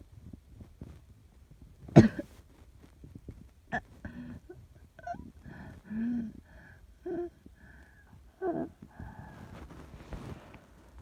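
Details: A simulated (acted sound effect) asthmatic cough: one sharp cough, then a run of strained, wheezy held-back breaths and throat sounds, imitating holding back a cough during a severe coughing fit.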